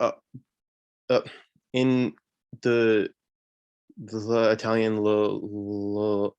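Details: 26-year-old man who stutters, with marked part-word and word repetitions and blocks; stuttering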